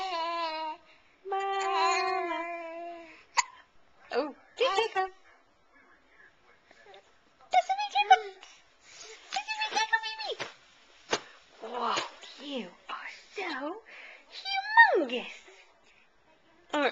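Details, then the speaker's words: Infant (baby girl) with hiccups while being bounced: coos and babbles broken by a few sharp, sudden hiccup sounds. "I don't like the sound of those hiccups. That doesn't sound fun."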